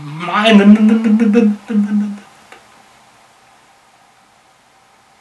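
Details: 67-year-old man deliberately imitating how he stuttered on his name when younger, possibly exaggerated; acted stuttering (imitated).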